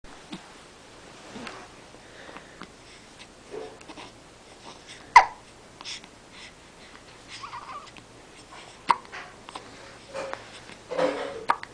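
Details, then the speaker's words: A baby has short, sharp hiccups that recur irregularly, mixed with soft babbling and breathing sounds; hiccups. "has hiccups hey got any more noises in you"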